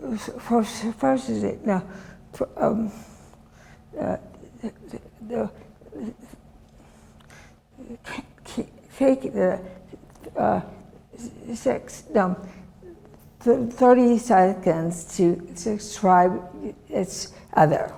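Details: Woman, former professor, with chronic aphasia since a severe stroke in 2010 that disabled her right side and took her speech; she relearned making sounds and saying her name and still cannot speak as before; non-fluent aphasia after stroke.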